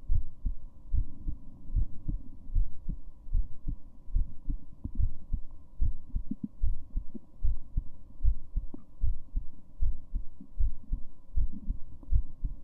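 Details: Female heartbeat: steady low thumps at about 76 beats a minute with a faint hum; normal resting rhythm.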